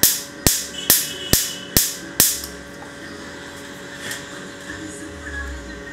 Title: laser Tattoo Remover || permanent tattoo ko kaise hataye || parmament tattoo remove